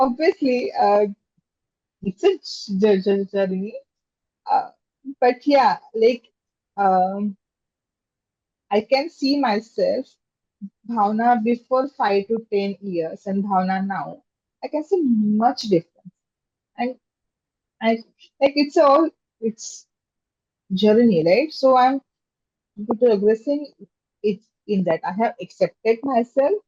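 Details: Adult woman with stammering since childhood (became aware of it in seventh standard), speaking in a podcast interview. Stammering (stuttering).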